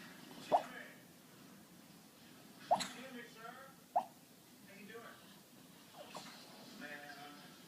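Three abrupt, sharp gulping hics a second or more apart, with soft voice sounds between; hiccups.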